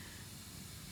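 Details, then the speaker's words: Suction catheter running during tracheostomy suctioning skill demonstration: steady hiss and low rumble as the catheter draws lubricating saline up through the tubing, suction on with thumb down over the control port. "if your thumb is down suction is on section is on suction is off so you can tell when I lubricate suction is on because it's coming up through the tube and suction is off okay"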